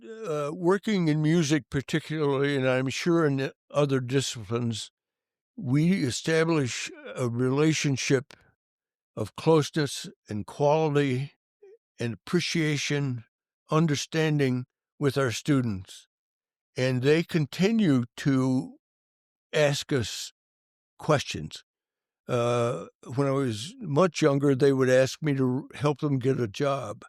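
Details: Adult male band director with stuttering that was severe in childhood and stayed severe for many years; he says he still stutters, as can be heard. Finding: stuttering.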